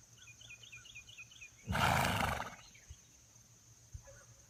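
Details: A female horse gives one loud, harsh cough that sounds much like a man's, outdoors with birdsong; flies around her.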